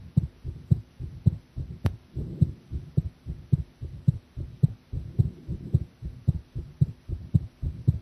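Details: Heart sounds recorded while drinking coffee; steady, regular low thumps at about 109 beats a minute, slightly fast, faint background hum and one brief click; the person felt the heartbeat was unstable.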